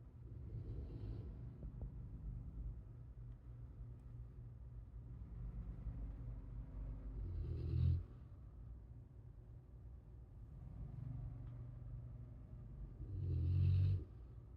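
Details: T-bone, a sleeping animal, snoring on 8/19/23: low, rumbling snores at about ten breaths a minute, each ending in a louder snort.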